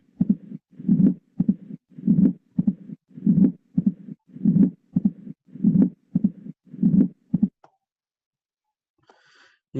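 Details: Mitral stenosis heard in a cardiology lecture: regular heart sounds about 50 a minute, with an accentuated first sound and a low diastolic rumble building with presystolic reinforcement before each beat.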